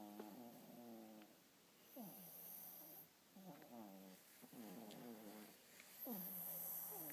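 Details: A sleeping animal snoring, recorded 11-18-11: soft, rhythmic, tonal, purr-like snoring breaths repeating every couple of seconds.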